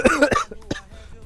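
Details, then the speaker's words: Acted comedic cough: a quick run of three or four short, forceful coughs from an adult man claiming a cold all year round, fading toward the end. "अबे भाई मुझे तो साल के 12 महीने जुकाम रहता है। पता नहीं क्या दिक्कत है।"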